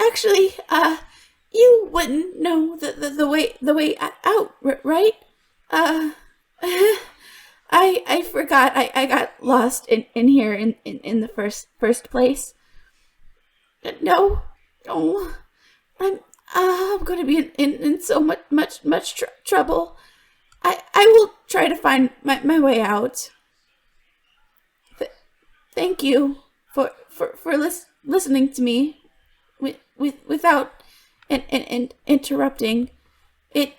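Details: Adult woman voice actor who stutters in real life (worse when extremely stressed), performing an acted stuttering character; some stutters in the recording are genuine; in character, the stutter is called a deep-rooted psychological issue that fixes haven't cured: stuttering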